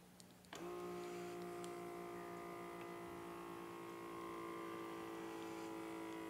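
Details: Click, then a steady electric pump whine as a Healthsmart talking automatic blood pressure cuff inflates, held at heart level while still and quiet; the reading was 144/95 mmHg, heart rate 67, mild hypertension.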